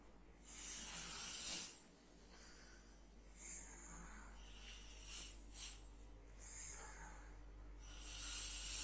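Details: Person snoring during sleep: loud, rough, rattling breathing noises with hissing air and some room noise, from a narrowed, vibrating airway.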